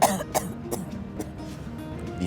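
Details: An acted adult cough in a COVID-19/flu home-test advertisement: about four harsh, dry bursts in quick succession, with soft music underneath.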